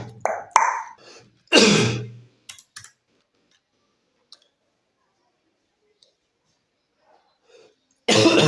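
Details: Cough in a quiet room, as picked up by ambient sound detection: a short run of harsh, explosive coughs with a throat-clearing quality, then a pause and another cough.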